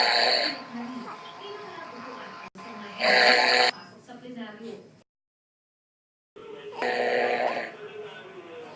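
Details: Snoring during sleep heard over thin, tinny Skype call audio: loud rasping bursts about every 3.5 seconds with brief gaps; listener is irritated by father's snoring.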